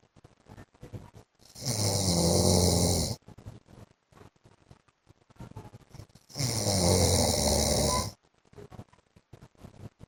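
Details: Adult man (husband) snoring in sleep, from a 15-minute recording: two loud, harsh snores about five seconds apart, with soft breathing and small sounds between.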